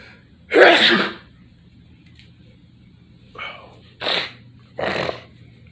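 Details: Sneezing in a living room, with allergies mentioned: one loud explosive sneeze, then three shorter sneezes; four sneezes in all.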